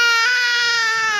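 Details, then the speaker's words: Infant crying at a medical check-up, a loud, sustained high-pitched wail while the arm is held still; ordinary infant cry. "આવી જશે આઈ જશે તું તારે ખેંચ દેવી રોવે છે ભલે રોતો"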